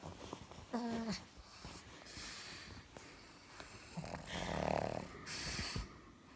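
Sleeping pug making rough, snorting snore sounds mixed with noisy breathing and some background noise.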